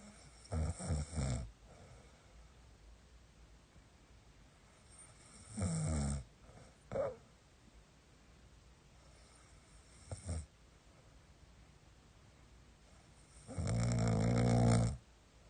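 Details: Loud, low, rumbling snoring in irregular bursts with quiet pauses, from a husband whose snoring keeps his wife from sleeping.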